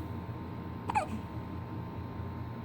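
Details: One-week-old newborn girl with her first hiccups: one brief, sharp catch of breath with a tiny squeak over quiet room noise; a single hiccup.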